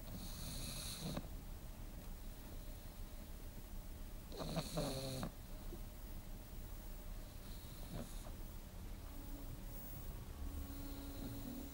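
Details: A pug snoring while asleep.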